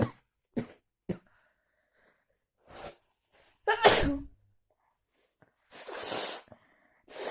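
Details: Person cold after walking in heavy rain without an umbrella: short sharp bursts then louder breathy explosive sneezes, about six in seven seconds; repeated sneezing.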